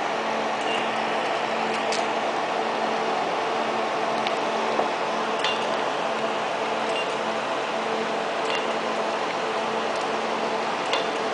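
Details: Steady fan-like hum with faint low tone and soft irregular clicks of pulses firing about every 1–1.5 seconds: 1064nm long-pulse Nd:YAG laser during hair removal.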